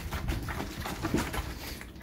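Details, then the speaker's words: Low, rumbling snoring and heavy breathing from a big Great Dane puppy asleep on a couch in a quiet room. "if you hear that heavy breathing and snoring and the backbone is my roommates big Great Dane asleep on the couch it sounds like old man and he's still a puppy"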